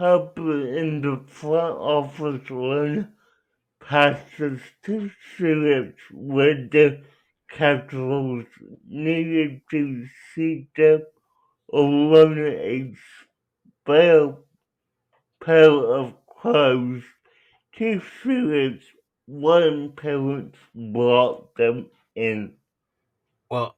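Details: Adult with cerebral palsy; dysarthria.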